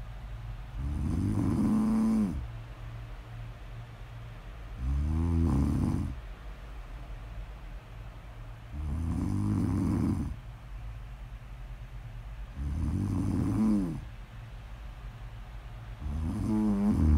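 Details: Snore audio ASMR recording of a sleeping person: steady rattling snores on each breath, about four over seventeen seconds, a slow breathing rate; ordinary snoring.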